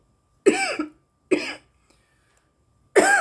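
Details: A woman coughing after smoking cannabis: three harsh, throaty coughs, each a short voiced burst, in a quiet room.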